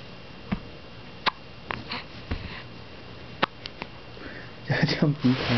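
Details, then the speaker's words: Persistent, endless hiccups: several short, sharp, irregular gulping clicks over a few seconds in a quiet room, ending with some talk. "大哥，大哥，一直在打嗝。"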